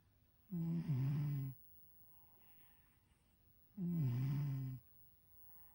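Two loud, low, buzzing snores about three seconds apart, each roughly a second long, separated by quiet breathing: a sleeping cat snoring.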